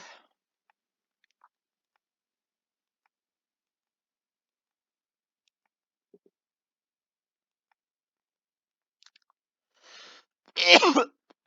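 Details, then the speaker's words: Adult cough: after near silence, a quick breath in followed by one short, harsh, voiced cough. "okay okay I sound like I'm dying when I cough"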